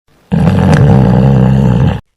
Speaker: যখন বাতাসের যাতায়াতের পথ সংকীর্ণ হয়ে পড়ে তখন চারপাশের টিস্যুগুলো কাঁপতে থাকে। আর এই কম্পন থেকেই তৈরি হয় নাক ডাকার শব্দ।